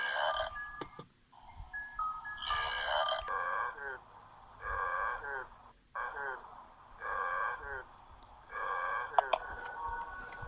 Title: Burps compilation 50